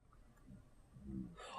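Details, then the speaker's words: Adult man's self-recorded sleep audio while he has a week-long cold: a faint, low, rumbling breath sound rises and fades, then a brief noise at the end; snoring resumes after he falls back asleep. "snoring begins. Brad's asleep again. And then we got some slightly louder ones here."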